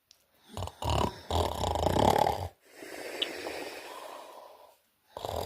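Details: Choppy, snorting snores broken by short breaks, then a long airy breath and a silent pause: snoring in a sleeper who reports having sleep apnea.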